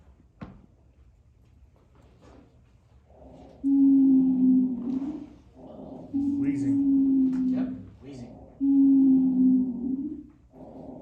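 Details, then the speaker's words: Low-pitched, rumbling wheeze with coarse, thick bubbling on each breath as air passes through thick mucus, rhonchi rather than clearer bubbling. "right CU mucus production here right so that air is going through that thick mucus so it's a little bit more kind of thicker type of bubbling versus a more clearer type of bubb"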